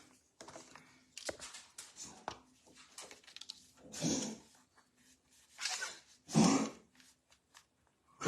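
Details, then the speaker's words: Pet dog with an unexplained chronic cough heard in the background of a home recording. "sorry if you hear that noise that is my dog he's had a chronic cough that we can't seem to figure out what's going on with"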